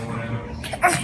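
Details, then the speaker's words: Young infant with a brief voiced grunt at the end of each breath out, creating forced PEEP, a sign of respiratory distress. Expiratory grunting. "Young infant, right? He's grunting. You hear that sound? That's the grunt. He's not just mad at the leads, he's actually grunting, creating forced PEEP."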